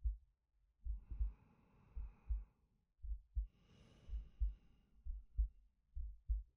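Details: Soft low heartbeat thumps, about 75 a minute, under slow quiet breaths from a male, ASMR sleep-aid recording; normal heartbeat with breathing.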